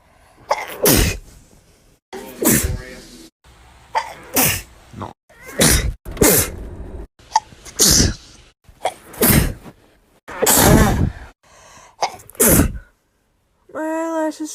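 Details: A person sneezing about nine times in quick succession, each sharp, explosive sneeze preceded by a brief in-breath, with a short voiced sound at the end.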